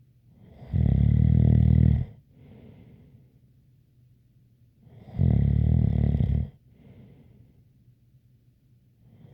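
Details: ASMR snoring recording: two loud, buzzing snores on inhalation about five seconds apart, each followed by a soft, faintly whistling breath out; snoring with a light whistle.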